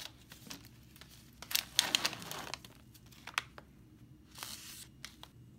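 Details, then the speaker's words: IUD insertion: after the provider puts on sterile gloves, the medical assistant opens the uterine sound and cervical dilator; crinkling and tearing of plastic and paper wrappers in a quiet room. "after the provider puts on their sterile gloves the medical assistant will then open up the fund sound and also the cervical dialer"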